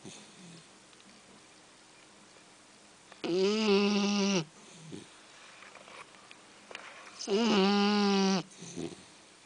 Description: this clip is of our sharpei puppy called Juno snoring away on one of her quieter days